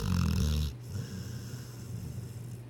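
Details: A sleeping dog snores: one loud, low, rattling snore, then quieter rumbling breaths.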